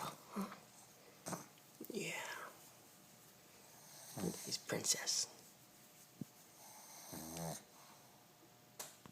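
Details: Sleeping pug, female, tired after a day in the workshop, possibly dreaming: soft, irregular snorting and snuffling snores described as loud, with brief room noise between; snoring.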